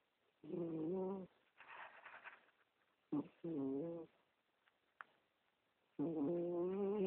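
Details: A sleeping 15-year-old female cat, recorded on a BlackBerry phone, gives rhythmic buzzing, tonal snores on each breath in with softer airy breaths out, about 21 breaths a minute; snoring loud enough to wake the owner.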